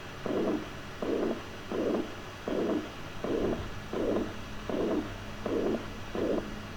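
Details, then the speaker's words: Scratchy, grating bursts with each heartbeat, about 79 a minute, likened to stepping on snow, from visceral–parietal pericardial rubbing, best heard at left lower sternal border; pericardial friction rub in pericarditis. "en este disfrute pericárdico es para todo no mónico se da por el roce entre el pericardio visceral y el parietal"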